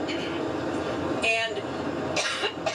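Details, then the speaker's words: Adult woman, during a press conference aboard her campaign plane: two harsh cough bursts over steady engine drone, part of her second coughing fit that day (Labor Day). "Well, that was her press conference there aboard her new campaign plane interrupted by a coughing fit."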